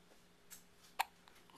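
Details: Hiccup, possibly a yawn hiccup, from a young person being filmed: a single sharp, brief click-like catch in a quiet room.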